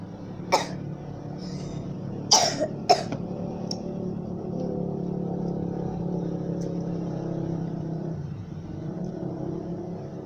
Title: guys im sick pls i have a heavy cough